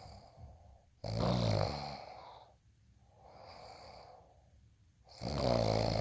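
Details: Snoring sound recording, presented as ASMR.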